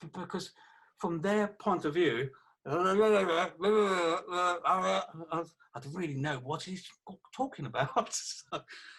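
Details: 48-year-old man who had a stroke about three years earlier, with aphasia affecting communication that has improved over those three years; aphasia.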